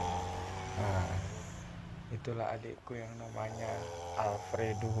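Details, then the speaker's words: Younger brother in deep sleep, who habitually snores, eyes seemingly partly open: deep, rumbling snoring breaths with voices nearby. "Kalau lagi tidur, dia pasti ngorok. Tuh, dengerin."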